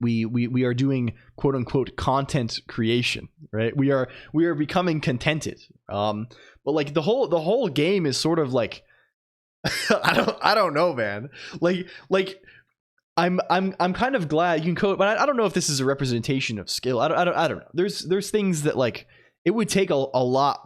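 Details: Streamer who says he sometimes stutters unintentionally and sometimes on purpose, so the stutter may be partly acted; stuttering with word and part-word repetitions.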